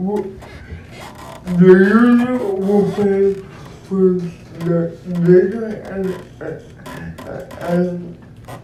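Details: Dysarthric speech in an adult man described as physically challenged with a speech impediment, who uses a wheelchair and needs a personal care assistant; real speech.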